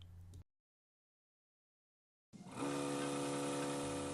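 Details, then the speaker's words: Suction machine running during tracheostomy suctioning of a child: a short low hum, a gap, then a steady motor whir. "intermittent suction by quickly opening and closing the suction port withdraw the catheter using a rotating motion entire suctioning pass should not exceed three to four seconds and duration"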